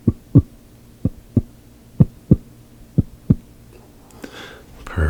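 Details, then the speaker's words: Normal heart sounds in a simulated, relaxation-style exam of a patient with headache and migraine: regular lub-dub at about 63 beats a minute through a stethoscope, with deep breaths; breathing and heartbeat judged fine. "So everything everything seems to sound fine with your breathing there as well as your heartbeat."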